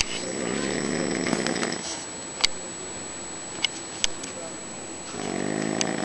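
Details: Snoring from a man at night while camping: long buzzing snores at start and end, with a quieter breath and a few clicks between.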